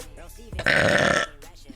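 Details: Female streamer's deliberate burp, one long, loud, voiced belch lasting about half a second, with music and talk in the background; burping.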